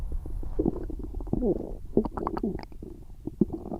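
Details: Stomach noises after eating a large Sunday dinner: gurgling, squeaky rumbles with rising and falling tones; borborygmi.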